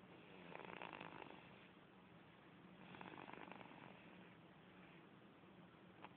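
Soft, rough breathing noises swelling at about 2-second intervals in a sleeping infant, consistent with light snoring.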